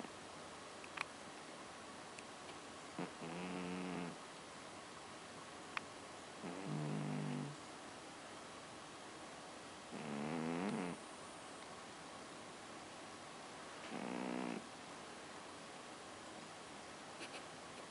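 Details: Snoring from a sleeping animal in a quiet room: four rhythmic, fluttering snores about every three to four seconds.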